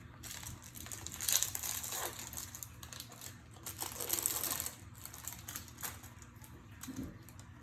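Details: Crinkling and tearing plastic and paper sounds in a quiet room as a 100-unit insulin syringe package is opened during a nursing injection demonstration, after the vial top is cleaned. Opening a syringe package.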